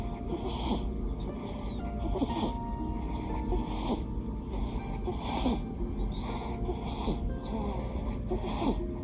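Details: Sleeping newborn baby boy, snoring-like noisy breathing the parent asks is normal: repeated soft, whistling, snuffly breaths about every second over background music.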